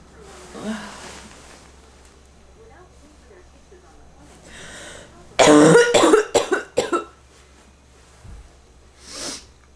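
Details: Short fit of about five harsh, forceful bronchitis coughs in a quiet room; the cougher says it has lasted forever, their ear popped and their head hurts.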